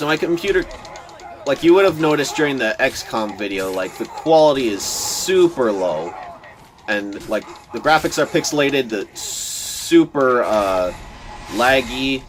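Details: Male speaker who says he stutters a lot, giving casual commentary over gameplay; word repetitions are heard. Finding: stuttering.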